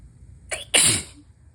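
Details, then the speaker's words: Adult with a new cold, in its third round of cold-like symptoms that at times felt like allergies; a short intake followed by one sharp, hissing sneeze burst during a sneezing fit; sneezing. "I don't know what's going on. I do know that I am gonna fucking sneeze again."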